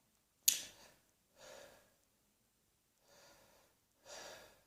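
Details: Four separate breathy bursts, the first sharp and loud, the rest softer and husky, each followed by silence; a series of dry coughs.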